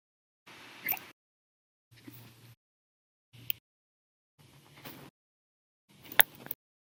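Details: Five sharp, abrupt hiccup sounds at steady intervals, roughly forty a minute, each with a brief click-like catch, in a bout lasting 13 hours 34 minutes that followed meals and soda: hiccups.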